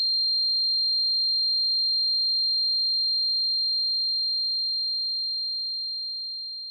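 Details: Simulated tinnitus sound effect: a steady, high-pitched pure tone that rings unchanged for several seconds and fades slightly at the end.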